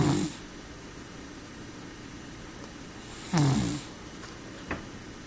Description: More of my cat snoring.